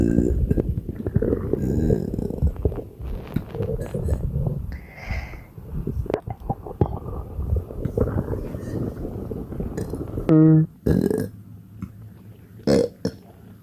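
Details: Non-stop belching with bad bloating: low, rumbling gulps and throaty belches, with one loud voiced burp near the end, over faint background noise.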